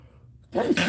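After a brief quiet moment, a short voiced build-up breaks into a sharp, noisy burst of air: a single adult sneeze.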